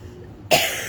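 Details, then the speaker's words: Single abrupt, harsh cough after a quiet moment of room noise, from a woman vlogging who says she has been coughing a lot this week; cough. "um other things as well but i've been coughing a lot this week so i've been postponing changing rearranging things so that i don't have to talk so much"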